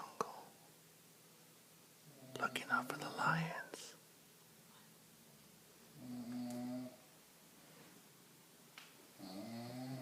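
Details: Mother in deep sleep in the living room, with loud, rough, rumbling snores in irregular bursts and quiet pauses between; heavy snoring.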